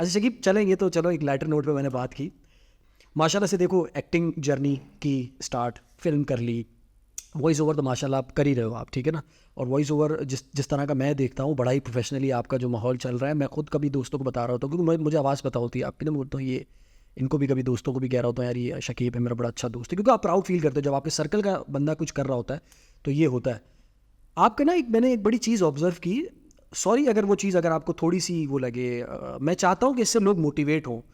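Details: Adult male speaker; typical speech.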